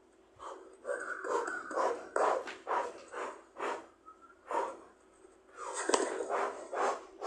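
A run of short, rough nasal snorts and sniffs coming in irregular bursts, about two a second.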